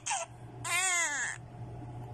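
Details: Infant crying: two short cries, the second a strained wail, over a steady low room hum.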